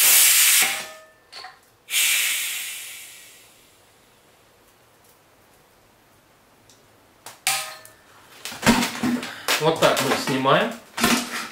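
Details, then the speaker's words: Dental polymerizer pressure pot for hot and cold plastic polymerization, vented after a pressure test at about 2.5 bar: a loud hissing rush of escaping air that fades, then clatter as the lid is handled; pressure release hiss. "значит сейчас идет сброс давление смотри мы крутим этот кашу"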